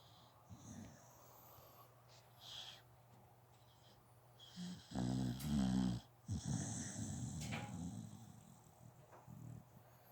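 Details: A sleeping dog snoring: low, rough snores with snorting breaths and no clear musical wheeze.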